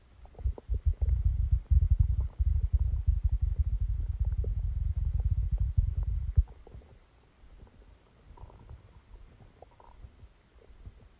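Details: Abdominal sounds during a stomachache after Christmas dinner, recorded while the person slept: a long stretch of deep gurgling and rumbling settling into quieter, scattered gurgles; active bowel sounds.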